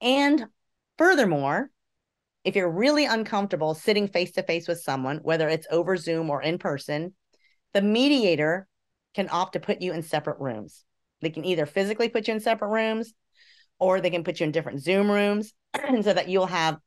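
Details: Adult woman speaking; normal speech.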